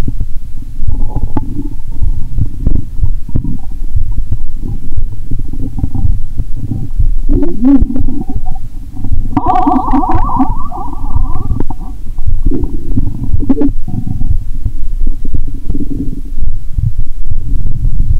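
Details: Stomach sounds heard by stethoscope on the upper abdomen near the heart: loud continuous low rumbling and watery gurgling with brief higher squeaks; active bowel sounds (borborygmi).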